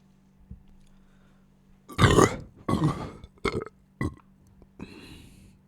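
Four loud, rough, throaty burps in quick succession after eating, over a low steady hum.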